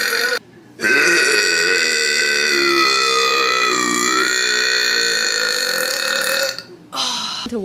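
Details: One long, loud, drawn-out belch lasting about six seconds, with a brief pause before and after: a loud burp.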